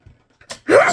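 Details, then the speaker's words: A quick indrawn breath, then a single sudden loud burst of air from an adult knitting while talking on camera; sneeze. "oh sorry I had to sneeze yeah you can hear that sorry I'm not cutting it out because that's too much work"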